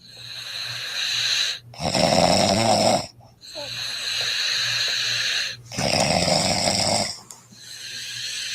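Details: Sleeping woman: loud, rough snores on each breath in, about 15 a minute, separated by quieter breaths out; snoring.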